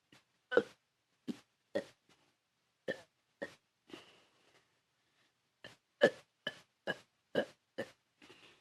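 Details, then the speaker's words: Deliberate burping challenge: about fifteen short, deep, voluntary burps at irregular intervals, some in quick runs, before the person says they can't burp anymore. "Yeah, let me do it more. You guys should be counting how many times I'm burping."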